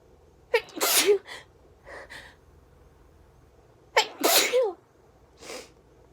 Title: Sneezing